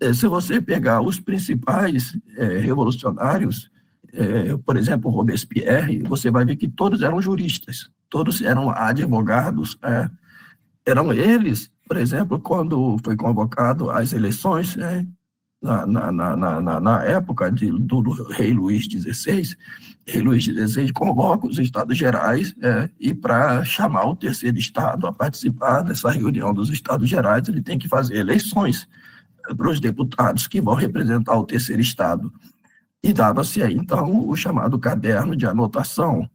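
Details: Adult man with spasmodic dysphonia treated with toxin injections; he says his voice is worse than last time as the toxin wears off after 3 to 4 months, next application due early July; spasmodic dysphonia.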